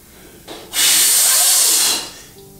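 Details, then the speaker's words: Demonstration of the snoring mechanism in sleep apnea, blowing through a small hole: a single steady airy hiss of about a second; turbulent airflow through a narrowed opening, imitated. "this is because of the fact that you snow because the passage of the air through your Airway Narrows and produces this sound you have a small hole and you blow through"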